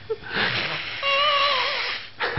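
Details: A man snoring after a night of heavy drinking: one drawn-out noisy breath with a whistling, squeaky tonal edge, then a brief pause before the next breath; snoring.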